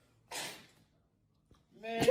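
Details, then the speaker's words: A sharp, hissing burst of breath, then a quiet pause and a second rising voiced burst, typical of a sneeze, recorded during a sneezing prank. "This sneeze just broke all limits."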